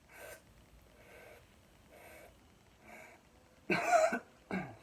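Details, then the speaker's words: Breath-stacking airway clearance technique demonstrated in a cardiopulmonary lab: four short consecutive inhalations without exhaling, then one forceful cough releasing all the held air. "you're breathing in in consecutive breath without letting it out and then you Koff it all out simultaneously"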